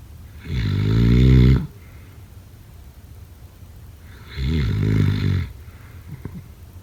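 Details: Two loud, low, rattling snores on breathing in, about four seconds apart, with quiet breathing out between them; snoring.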